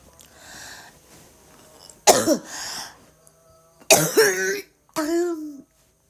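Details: A few harsh, forceful coughs with voiced groaning between them over faint background noise, from a woman coughing and vomiting; repeated cough.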